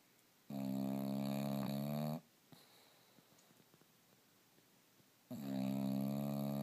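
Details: Bulldog asleep, recorded on an iPhone 4s in the dark with only its LED light: two long, loud, buzzing snores with a quiet pause between them. Snoring.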